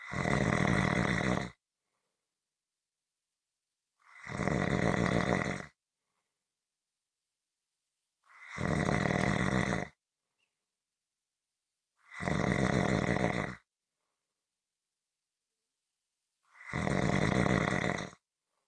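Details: Five loud, rough snores in about 18 seconds, evenly spaced with silence between them, about 16 breaths a minute; snoring.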